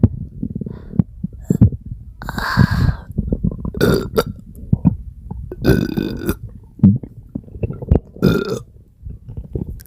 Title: Huge burps and stomachache sounds 😭😭💓💓